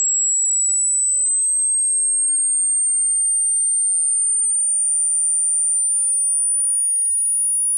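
A steady, very high-pitched pure tone that slowly rises in pitch, used as a high-frequency hearing check.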